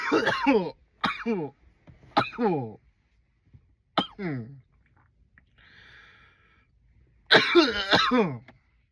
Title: some loud coughs